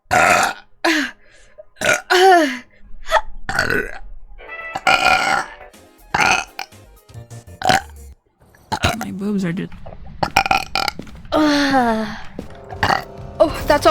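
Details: Repeated voiced belches, some long and gurgling, from a VTuber burp compilation, cut with brief laughter and background music; the burper attributes them to swallowed air; burping.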